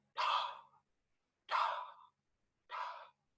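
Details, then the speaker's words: Three breathy, blowing, fading exhalations imitating the early diastolic murmur of aortic regurgitation, heard from the aortic area to the mid left sternal edge with the patient sitting forward, breath held in expiration. "It is a early diastolic murmur. Early diastolic murmur. ඕක ඇහෙන්නේ මෙන්න මෙහෙම. It's like an expiratory sound."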